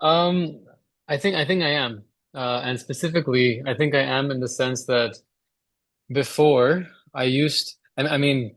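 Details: Stammering in a male speaker during a relapse phase over the last 3-4 months, with blocks or very fast speech onset.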